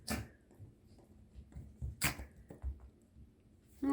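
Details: Puppy (Happy) that owner thinks is ill, coughing on waking, with a runny nose: two sharp, brief nasal bursts; dog sneezes.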